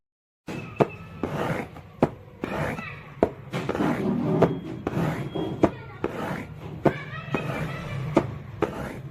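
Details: Simulated high-pitched early diastolic murmur of aortic regurgitation, made on a cardboard box: tapped heart-sound imitation with a soft blowing sound after the beats.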